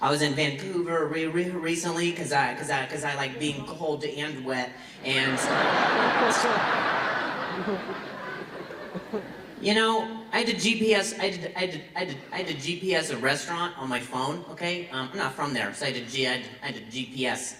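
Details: Adult male comedian who reports having stuttered for years since a softball injury; stuttering.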